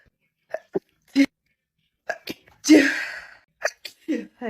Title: female tiktok sneeze 138